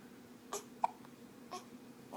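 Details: 10-day-old newborn boy holding his head up while hiccuping: soft, sudden little catches about once a second over light room noise.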